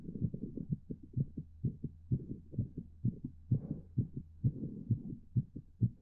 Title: My Pleasure Heartbeat